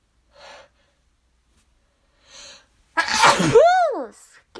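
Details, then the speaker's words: Allergy sneezing: two quiet breathy build-up inhalations, then one loud explosive sneeze ending in a rising and falling voiced cry, amid repeated sneezing the person calls out of control. "oh excuse me every time i blow my nose i have to sneeze again it just doesn't stop"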